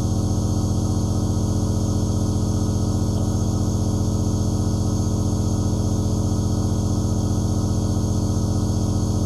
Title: Asmr Nebulizer Aerosol White Noise 1/2 Hour